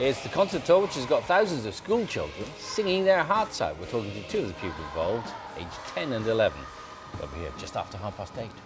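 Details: Adult presenter; fluent speech.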